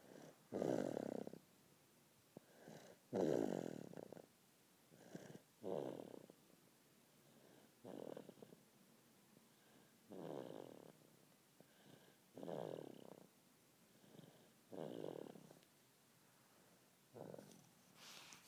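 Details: Baby napping on a parent's chest: soft, rough breathing noises recurring about 24 times a minute with quiet gaps, light snoring in sleep. Snoring.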